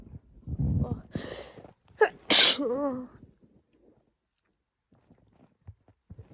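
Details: Female with a cold, sneezing likely triggered by the cold and strong laundry detergent, throat and lungs sore: a loud, harsh sneeze with sharp intake before, brief voiced sound after, then quiet breathing and sniffing; sneezing.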